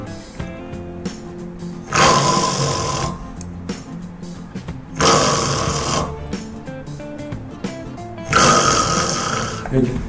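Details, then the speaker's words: Snoring demonstration: sound produced when the airway narrows and the soft palate vibrates, as with a sagging uvula; snoring from soft palate vibration. "그런데 평상시보다 구멍이 좁아지면 이런 소리가 납니다. 이게 연구개가 떨리는 소리죠."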